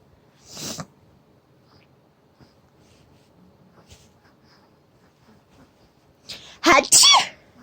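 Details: Mother sneezing with a baby present: a quiet room, then a sharp two-part sneeze near the end, with a faint earlier burst that may be a smaller sneeze.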